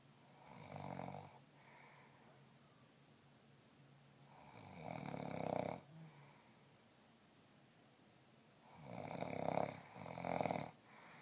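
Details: Adult man snoring: loud, rattling snores on the in-breath, about three over eleven seconds, the last broken into two pulses, with quiet breathing between.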